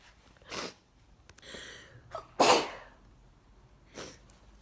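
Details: Adult with a bad summer cold sneezing several times in quick succession, with another cold-affected household member sneezing fainter in the background.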